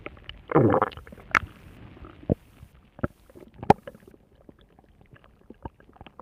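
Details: Stomach growling: a low gurgling rumble followed by scattered soft pops and gurgles of bowel gas and fluid.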